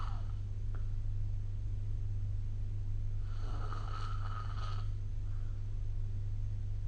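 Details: Snoring recorded with the SnoreLab app: a steady low room hum with a faint breath near the start and one rough, rattling snore in the middle of sleep breathing.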